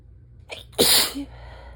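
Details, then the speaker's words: Adult with asthma, just woken on a fall morning, fall pollen low to medium, with morning barking cough: brief in-breath then one forceful sneeze. "And and I have to sneeze. And so I wait. And hope that it's not just going to be rude and tease me."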